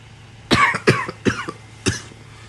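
Four short, harsh cough bursts in quick succession from an adult, with a steady low hum behind.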